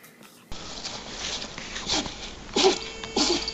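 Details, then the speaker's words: A couple of short, sharp, breathy sneezes from a puppy amid room noise; a person says the puppy sneezed on them. "Oh, I'm sick. He sneezed on me."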